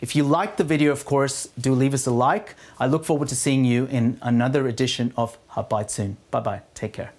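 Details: Adult male speaker; Normal fluent speech.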